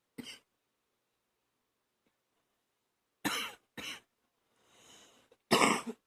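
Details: Coughing at night, phlegm causing gagging; four harsh, loose-sounding coughs in separate bursts with rough breaths between; productive (wet) cough.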